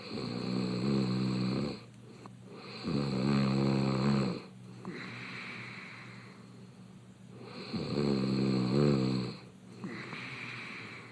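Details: Adult male reality-show contestant asleep in his bed, snoring with mouth open: loud, rough, fluttering snores on each inhalation with breathy open-mouth exhalations between, about 11 breaths a minute; open-mouth snoring.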